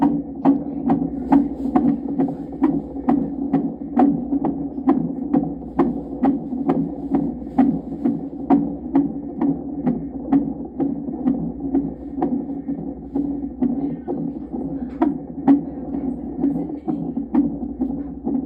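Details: Fetal heartbeat monitored by Doppler on the pregnant mother's abdomen: rapid, regular whooshing pulses at about 130–140 a minute over a steady hum.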